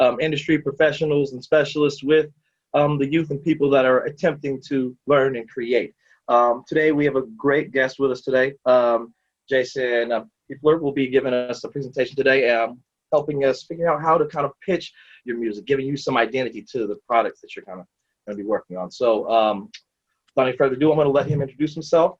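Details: Adult male speaker; normal speech.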